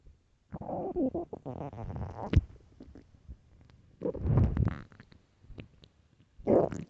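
Loud, irregular gurgling and rumbling stomach growls in several long bursts; hunger-related bowel sounds from an empty stomach.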